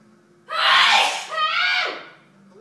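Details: Loud, obnoxious sneeze: one explosive two-part sneeze, a sharp burst then a voiced tail; a plain sneeze.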